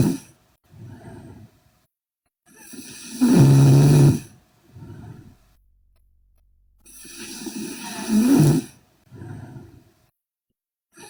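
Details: Sleeping Korean girl snoring heavily: two loud, droning snores on the in-breath with quieter breathing between, about 13 breaths a minute.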